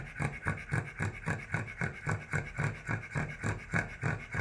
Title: Snoring Cavalier King Charles Spaniel